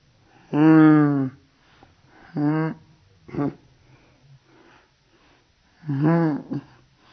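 Slowed-down recording: four abrupt voiced catches, deep and drawn out by the slow playback; repeated hiccups.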